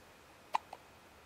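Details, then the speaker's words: Hiccups in a four-day-old baby boy lying on bed: one quiet, sharp hiccup with a softer echo just after it, in a quiet room; not his first bout of hiccups. "Not his first case, but definitely maybe his second or third. He really likes having them."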